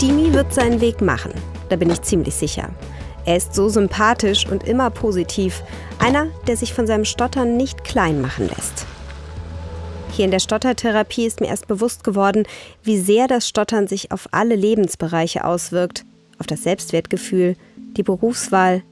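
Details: Adult woman speaking; normal speech.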